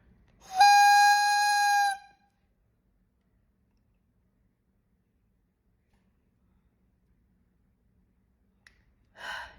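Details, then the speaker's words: A clear whistle over a second as a deep breath is drawn through a Pulmicort (budesonide) demonstration inhaler after dose loading, signalling adequately deep inhalation; real patient inhalers do not whistle. "now that is a whistle because mine is a demonstration device."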